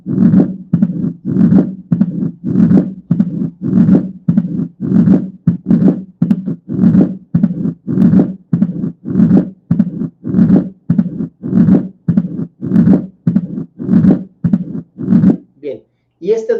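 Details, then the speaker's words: Mitral stenosis, Duroziez rhythm at about 50/min: loud S1, pause, split S2, low-pitched rumbling murmur, then presystolic accentuation. "un s1 fuerte después una pequeña pausa en la que no se escucha nada y después ya el desdoblamiento del segundo ruido y otra vez empieza con un soplo de baja tonalidad y después un reforzamiento presistólico Ese es el ritmo dures"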